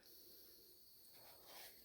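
Steady soft high-pitched hiss from a small battery nebulizer misting saline.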